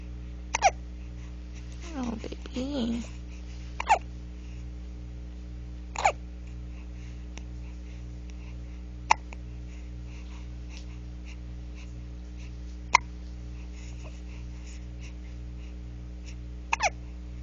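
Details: 1-month-old baby boy with a latching issue, hiccupping when tired, seems upset by it: sharp, brief hiccups every couple of seconds, about six in total, with a soft infant whimper early on.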